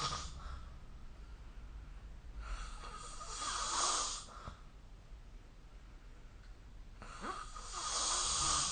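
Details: Snoring during sleep recorded with the SnoreLab app: rough, hissing snores on the in-breath, roughly 13 breaths a minute, over a steady background hum.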